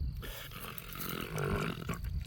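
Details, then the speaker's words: Deep, rumbling snoring with loud throaty vibration through each breath and occasional snorts from a sleeping female pet hog about 9 years old; snoring. "Piggly. She's snoring up a storm."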